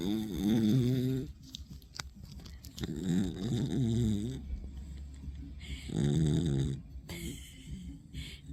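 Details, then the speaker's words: Female dog, Kya, snoring loudly while asleep and possibly dreaming and kicking: low, buzzing snores at about 20 breaths a minute with quieter gaps between them. Dog snoring. "snoring. She's snoring. She's snoring. I didn't know the dog snores that loud."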